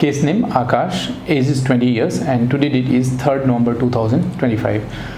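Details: Young adult male speaker; Normal speech.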